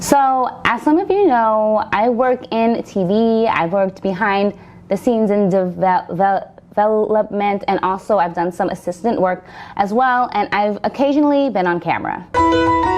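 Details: Stuttering in an adult woman who has stuttered since growing up; she says it worsens when repeating herself, varies with environment, and she is still working through some stutters.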